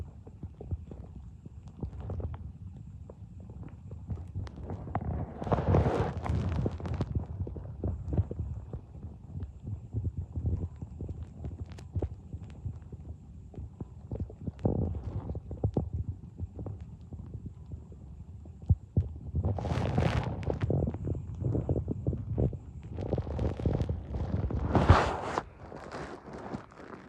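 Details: An adult's stomach making irregular low gurgles and rumbles with a few louder bubbling bursts, some when hungry and some after eating: ordinary bowel sounds (borborygmi).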